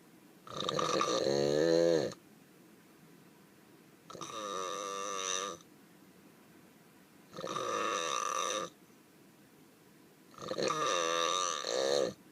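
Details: Donkey (burro) snoring: long, loud, wavering snorts with a musical, honking quality on each breath, about 18 a minute, with quiet gaps between.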